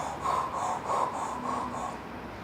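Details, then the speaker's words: Vocal imitation of a continuous rhythmic whooshing machinery murmur without pause, from blood flowing back and forth through a patent ductus arteriosus, detectable in a newborn puppy at one to two weeks of age. "Y se escucha el soplo en maquinaria que siempre se describe, que es así."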